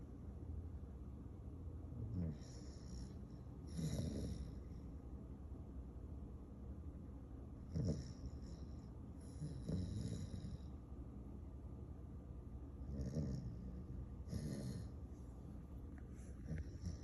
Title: Rex the Dog Snores - The Craziest Thing You'll Ever Hear